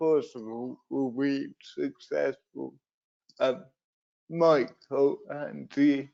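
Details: Adult man with cerebral palsy, a brain injury sustained through an accident at birth, which he says also leaves him wobbly and unsteady on his feet; dysarthria (cerebral palsy).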